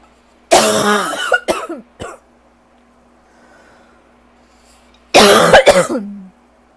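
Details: Person with asthma/allergy flare, likely worsened by lingering bronchitis, gives two bouts of harsh, dry, hacking coughs, about six in total, with a quiet pause between; dry cough.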